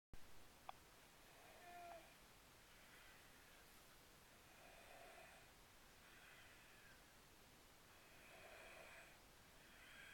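Soft, rhythmic breathing noises repeat every few seconds, about 15 breaths a minute, over quiet room hiss: a cat snoring gently.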